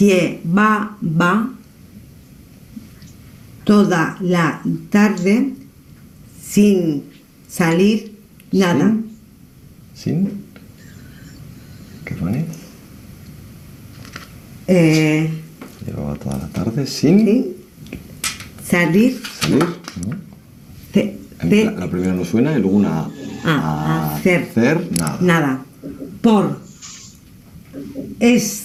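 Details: Adult male with ischaemic infarct caused by an operation; fluent speech with meaningless and invented words, preserved intonation, impaired comprehension: Wernicke's aphasia.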